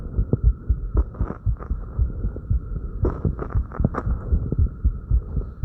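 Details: Fast, regular heartbeat at about 115 a minute after light crunches, with soft breath sounds and movement noise.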